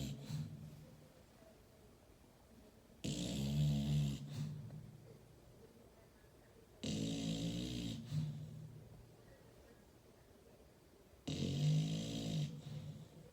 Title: Funny dog snoring , หมานอนโกนเสียงดังเหมือนคน , ຫມານອນໂກນສຽງດັງ